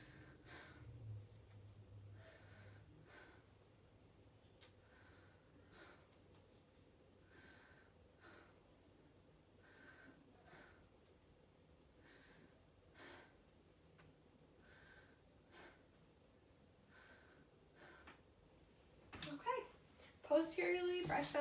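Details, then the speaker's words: Posterior chest auscultation with stethoscope in zigzag pattern while patient takes deep open-mouth breaths: soft, steady breaths with no wheeze, crackles or gurgling; lungs clear, normal breath sounds. "are clear to auscultation I don't hear any excess secretions or any abnormal breath sounds so that's great"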